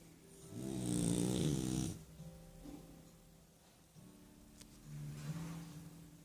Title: Sansão Roncando - French Bulldog Sansão Snoring